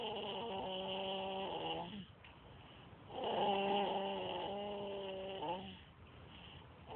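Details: Asleep, giving two long, tonal, whistling snores with quiet pauses between breaths: snoring during sleep.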